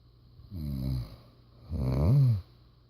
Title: Snoring Daddy